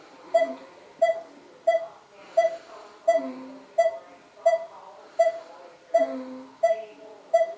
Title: breathing pacemaker